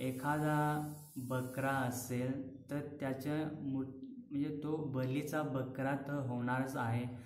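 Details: Adult male medical student, speaking Marathi, who has stammered since childhood and is attending a stammering care centre for treatment: stuttering.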